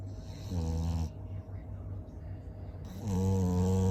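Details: Loud, low buzzing snores with a quieter breath between them; snoring.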